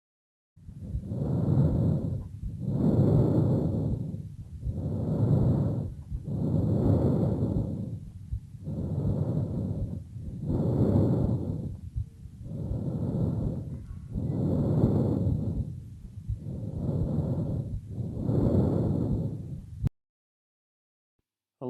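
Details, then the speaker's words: Laryngotracheal (bronchial) breathing on lung auscultation with a stethoscope: loud, coarse, high-pitched harsh "kh"-like sound with expiration prominent, inspiration-to-expiration ratio about 1:2–3. "бронхиальное дыхание слышится как грубый и высокий тембр напоминающие звук х с преобладанием вы духа примерно на вдох приходится один она выдох 3-2 давайте послушаем как звучит ларинготрахеит дыхание"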